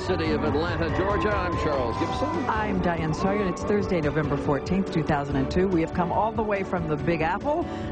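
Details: Adult male and female presenters; normal speech.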